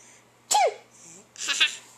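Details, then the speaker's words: A father's short, high-pitched fake sneeze, followed by the bright giggle of an 11-month-old baby laughing at it. "how about this one C cute double that one high pitch sneezes make you laugh though right"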